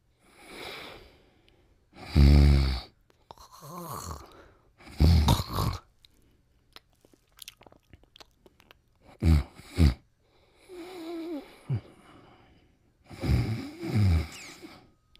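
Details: Cartoon snoring sound effects from the Pink Panther, not a real sleeper: loud, rumbling, rhythmic snores with whistling exhalations.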